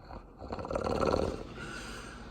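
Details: Loud rough, rattling snore with a snorting quality from a sleeping female bulldog: snoring.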